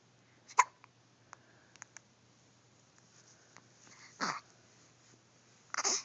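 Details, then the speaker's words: Infant (baby boy) with hiccups: a sharp little hiccup followed by soft clicks and breathy baby sounds; common, harmless infant hiccups. "Darn hiccups. Darn hiccups."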